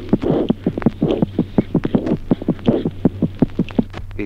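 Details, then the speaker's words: Normal newborn heart sounds, teaching example 3: rapid, regular, crisp heart sounds near 160 a minute. "ejemplo tercero signos auscultatorios normales en el recién nacido"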